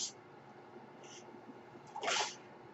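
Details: The speaker's own mechanical ventilator cycling in the background: brief airy hissing puffs recur against quiet room noise, with one louder rushing burst near the end.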